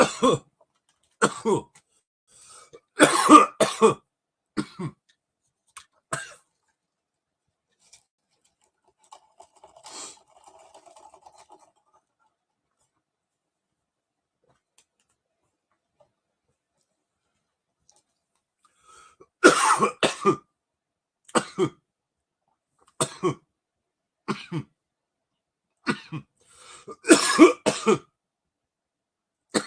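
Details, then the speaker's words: Adult coughing after dabbing cannabis concentrate; two bouts of harsh, repeated coughs separated by a quiet pause, an irritant cough after inhalation. "and i'm dabbing now so you're gonna probably hear some coughing"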